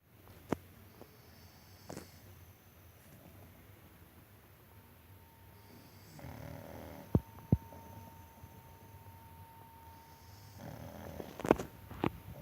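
Soft rasping breaths in a quiet room, with a couple of short snorts; light snoring during sleep.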